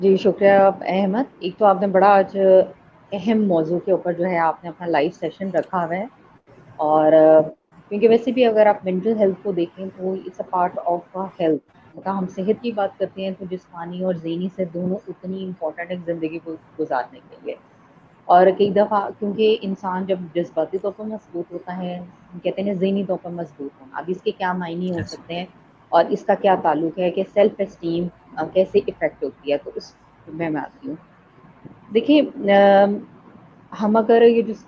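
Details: Adult speaker; typical speech.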